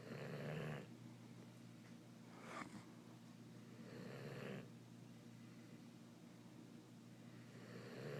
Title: Diesel Snoring